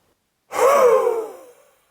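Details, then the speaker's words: A single forceful open-mouthed huff (forced expiration) after a relaxed breath in through the nose and a pause, demonstrated as an airway-clearance technique to help shift stuck mucus before coughing. "take a relaxed breath in through your nose pause and then exhale forcefully through your"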